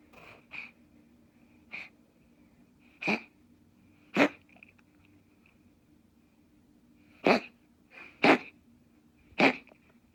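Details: An American gray cat makes about eight sharp, explosive hacking bursts in ten seconds with quiet pauses, with no recent eating; owner unsure if choking or coughing.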